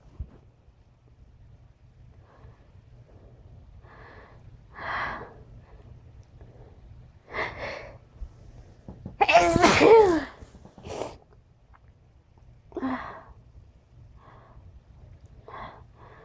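Soft sniffing sounds around one sharp, loud sneeze burst, then a few more sniffles; sneezing with nasal congestion.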